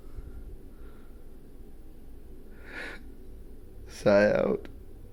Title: Squeaky Hiccups